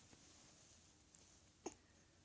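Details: A young boy in the morning makes one short, abrupt catching sound after a faint earlier click in a quiet room; a single hiccup.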